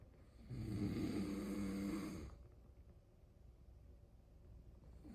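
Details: One drawn-out, rough, buzzing inward snore lasting over a second, then quiet breathing.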